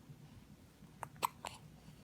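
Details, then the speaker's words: Infant aged 9 weeks 6 days who still gets hiccups often: three short, sharp catching sounds close together over quiet room noise; infant hiccups. "today mella is nine weeks and six days and she's still getting the hiccups all the time and I like them they're so cute"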